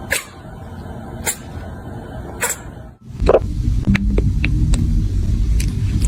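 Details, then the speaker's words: Cat hiccups: three short, sharp bursts about a second apart, followed by loud rumbling background noise. "You have the hiccups, buddy?"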